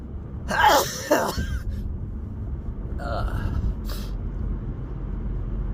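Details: A person sneezing while driving: one sneeze with a sharp intake and explosive burst, then a smaller second burst, over steady car road rumble.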